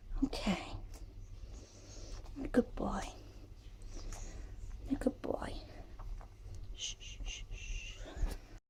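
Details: Dog coughing: short, harsh cough bursts in pairs with quiet breathing between, in a small room.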